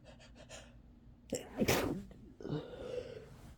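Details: A person sneezing while sick: quick sniffs and a catching inhale, then one forceful wet sneeze with a short breathy aftersound.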